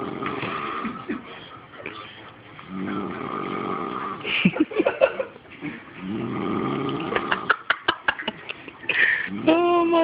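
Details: Sleeping dog snoring: loud rasping snores on each breath with bursts of snorting and fluttering between; snoring.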